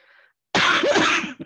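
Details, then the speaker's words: One harsh, rough, raspy cough burst from an adult who says they are sick and that the cough is from COPD, not COVID. "Heavens. That sounded very COVID-y. That cough sounded very COVID-y. It's COPD."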